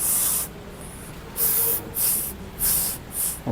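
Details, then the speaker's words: Imitated normal breath sounds heard over the neck during thyroid examination: four soft hissing breaths, each swelling and fading (crescendo-decrescendo), distinct from carotid sounds and bruit. "Okay, then you can hear the respiratory or the breath sounds too. Okay, so that one has a crescendo descendo."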